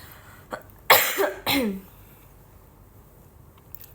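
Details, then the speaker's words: Two loud, harsh coughs from an adult woman who says she keeps coughing but has not lost her voice, followed by quiet room noise. "Aku batuk mulu. Tapi untung sih suaraku enggak hilang, Guys."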